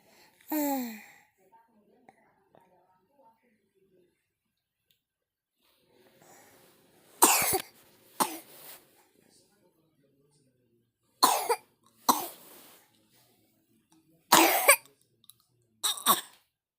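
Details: Infant coughing: a brief cry-like sound, then several short coughs, some in quick pairs, in a quiet room.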